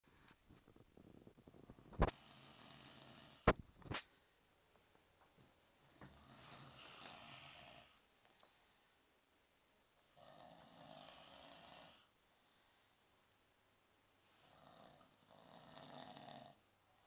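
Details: A visitor who always falls asleep when visiting snores very loudly: quiet, rough breathing noises recur about every four seconds with pauses between, after a few sharp clicks at the start. Snoring.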